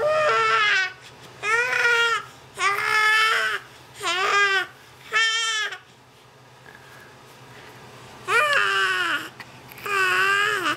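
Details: Infant aged 3 months 3 weeks during tummy time: repeated crying bursts, about 46 cries a minute, with pauses between; an ordinary infant cry over a steady low hum.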